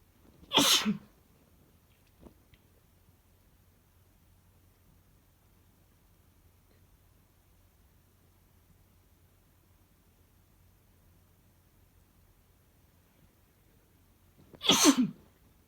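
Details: Adult man's two loud, forceful sneezes about fourteen seconds apart, quiet room in between; sneezing.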